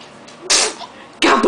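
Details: Baby girl fake-sneezing for a laugh after a real sneeze: two sharp, hissy pretend sneezes about 0.7 seconds apart.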